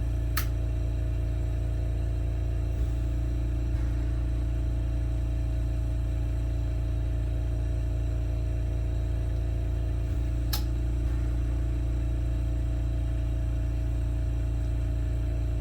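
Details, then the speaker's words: Steady low hum with faint rhythmic pulsing from an oxygen concentrator under a glass lampworking bench, used with propane for a hot flame; the two sharp clicks are a nearby kiln's relay switch. "Noise you hear, I usually have the radio on, so you can't really hear it, but there's an oxygen concentrator underneath me, which you need along with the propane in order to get a really hot flame."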